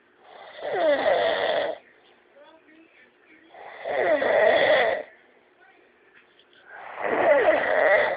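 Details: Snoring in an adult man who fell asleep quickly after drinking: three loud, rattling inspiratory snores, about 19 a minute, with quiet pauses between them.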